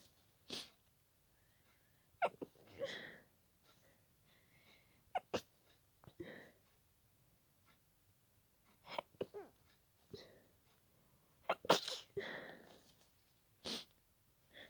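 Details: Person stifling a sneezing fit at night to avoid waking a roommate: quiet, clipped sneezes with soft gasps and breaths in a quiet room.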